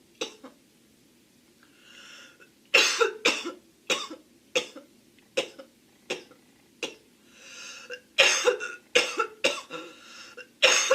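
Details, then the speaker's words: Girl who attributes her cough to smoking and can barely speak: repeated harsh, dry coughs in bursts with short breaths between, about fifteen coughs, a persistent coughing fit. "Smoking really gets me. I can barely speak."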